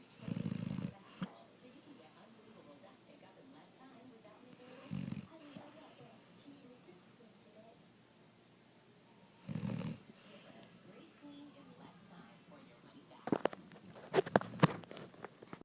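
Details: Junior snoring: low, rumbling snores about every five seconds, scratchy handling noises near the end.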